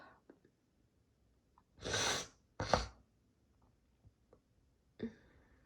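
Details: Deliberately induced sneezes: two loud, explosive sneezes in quick succession, then a shorter half-stifled sneeze in a quiet room.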